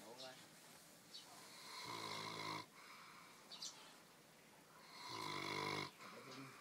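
Soft, rhythmic rattling snores on each breath, roughly three seconds apart, with quiet breathing between; a sleeping dog snoring.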